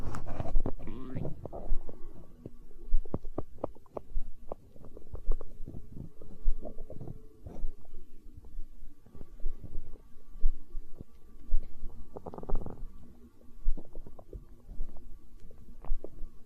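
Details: Stomach growling in hunger, tagged as empty-stomach sounds in an ASMR recording: irregular gurgles, pops and low rumbles from the belly, ordinary bowel sounds (borborygmi).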